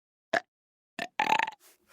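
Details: Two short gulping sounds, then a longer, rattling, voiced belch from a man; burping.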